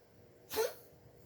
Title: Morena coughing- June 1, 2021. 8:08 am